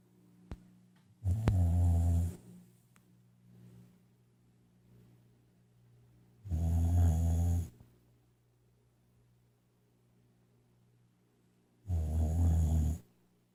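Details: Boxer dog named Jane, asleep, gives three loud, low rumbling snores about five seconds apart with quiet breathing between; dog snoring.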